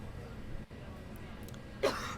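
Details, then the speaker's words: A single short, dry, non-productive cough from a simulated adult patient in a virtual-reality respiratory training tutorial, with no rattle or mucus sound. "So if you just want single coughs, you can have non-productive coughs, you can have productive coughs, the different colors sputum as well. We're just going to do a non-productive cough right now."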